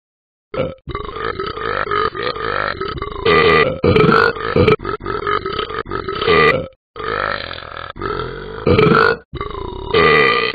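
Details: Long, loud, rumbling, drawn-out comic burp sound effect with changing pitch from the cartoon dog character in the Talking Ben app.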